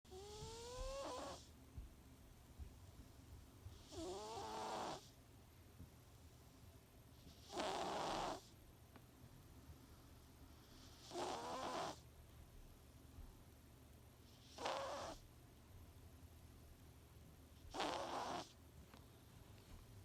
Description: My cat coconut snoring. Don’t worry. When we took him to the vet, they said he was 100% healthy